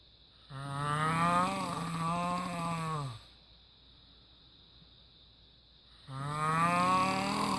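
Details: Snoring from an adult man, likened to a cow's sound.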